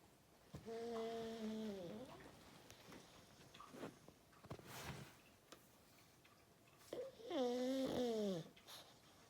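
Two loud, drawn-out, whistling snores several seconds apart, with quieter snuffling breaths between them; dog snoring.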